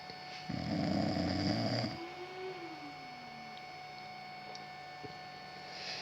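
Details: Snoring: a loud rattling snore on one breath, then a softer rising and falling whistle-like breath, over a steady room hum.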